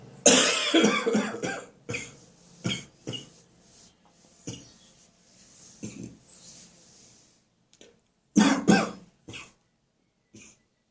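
An adult gives a series of sharp, staccato coughs in clustered bursts with quieter breaths between; a harsh barking cough with a cold.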